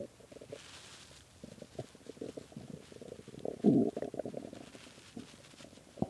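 Irregular low gurgles and rumbling bursts, with one louder, longer growl midway, in a quiet room: ordinary hunger stomach growling (borborygmi).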